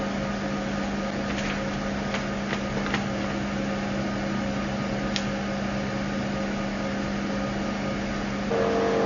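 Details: CO2 fractional laser machine for skin resurfacing, operated with settings chosen and foot pedal pressed: steady machine hum with faint scattered ticks during treatment operation.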